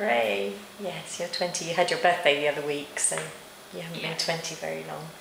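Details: Adult woman; normal speech.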